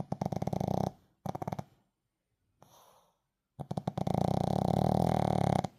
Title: Shihtzu snoring with eyes opened #cute #funny #pets #puppy